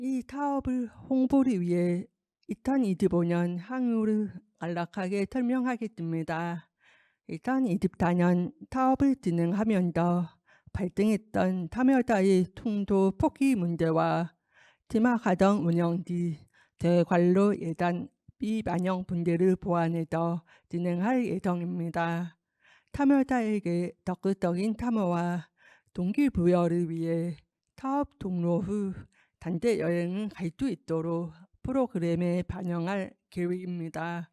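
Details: Deaf adult woman with a left-ear cochlear implant, received about two years earlier, followed by speech-language therapy; hearing-impaired speech (deaf speaker with cochlear implant).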